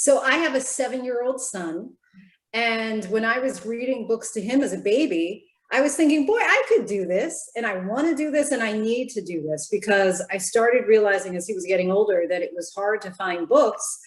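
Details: Adult woman speaking; typical speech.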